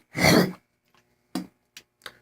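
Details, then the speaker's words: Adult who has been sick clears phlegm from the throat with a forceful, harsh throat clear followed by a few brief softer clears; the voice is still gravelly. "me to God shower still cleared out some phlegm still about a hundred percent you can hear my voice has got a little gravelly"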